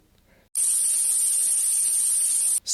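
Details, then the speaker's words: Simulated buzzing tinnitus played as an example of tinnitus types: a steady, very high-pitched hissing buzz lasting about two seconds. "सबसे पहले, tonal tinnitus, (high pitch ringing) चाय की केतली की आवाज़, (kettle blowing) भनभनाहट,"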